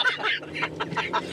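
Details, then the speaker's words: Adult man has a quick run of short, harsh coughs, a recurring chronic cough; his lungs were said to be clear. "oh man killing me there that was the candy cough that cough has got to go i know it has to go"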